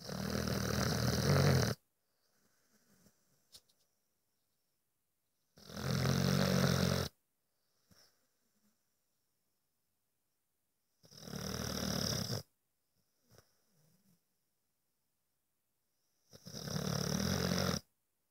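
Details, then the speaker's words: Dog snoring loudly, as it does all night: rough snores roughly every five seconds, about 11 a minute, with quiet breathing between them. "That's what it's like all night."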